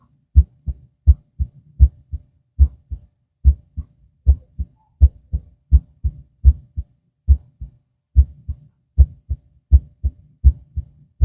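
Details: Heart auscultation with stethoscope, person lying down, two minutes per spot: clear paired lub-dub heart sounds at about 80 beats per minute with quiet gaps between beats.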